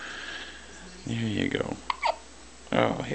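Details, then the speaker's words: Infant hiccups: short, sharp squeaky catches from a baby between an adult's soft voiced sounds in a quiet room, hiccups starting again after seeming to stop. "hi hiccups got the hiccups get the hiccups are you hiccuping"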